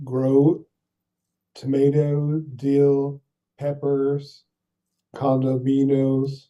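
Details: Adult stroke survivor with aphasia, and apraxia per the clinician, speaking mostly in single words; aphasia.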